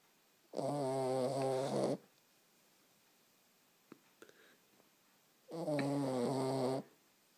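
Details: A sleeping cat snoring: two rumbling, buzzy inhalation snores about five seconds apart, roughly 12 breaths a minute, with quiet pauses between.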